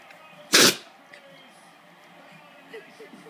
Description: Spoodle sneezing!!